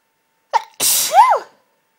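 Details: Part of an intense half-stifled sneezing fit with a congested, tickly nose: a short catch of breath, then one forceful, partly held-back sneeze with a strained, voiced release.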